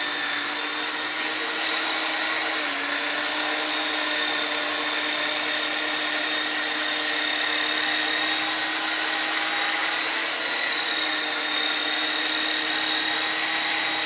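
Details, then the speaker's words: Steady high-pitched motor whine of a rapidly pulsing motorized chiropractic instrument applied along the spine of a patient with thoracic (mid and upper back) kyphosis, improved but still present, used to break up scar tissue and muscle adhesions. "one I guess it's appropriate to have a instrument that actually sounds like we're doing construction because that's exactly what we are doing is reconstruction of the spine called spinal remodeling"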